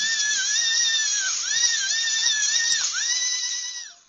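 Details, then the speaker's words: High-speed dental drill on a dog during surgical extraction of an abscessed, discolored canine tooth, cutting bone after a gingival flap is raised; a steady high-pitched whine dipping in pitch as it cuts bone around the root. "Okay, now that we have our gingival flap opened to where we can see the underlying bone, that's what we're going to use the high-speed drill. We're going to drill out the bone to find the root of the tooth."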